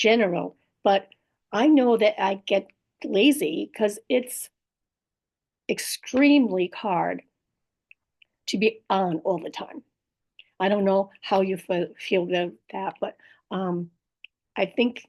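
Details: Woman with post-stroke aphasia plus apraxia of speech and dysarthria, in recovery; aphasia with apraxia of speech and dysarthria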